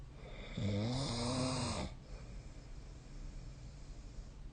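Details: Snoring: a single low, buzzing snore on the in-breath lasting just over a second, then quiet room noise.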